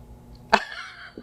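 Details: A single short, sharp cough in a quiet room from an adult woman who has had a cough lately, possibly worsened by dry weather.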